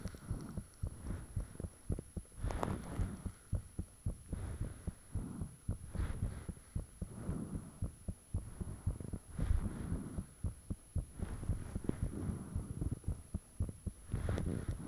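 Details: Own heartbeat recorded with the fan off, shortly after the heart began feeling really thumpy: deep, rapid pounding thumps near 110/min over a steady low hum and faint high whine, high sounds attributed to valves; heart sounds.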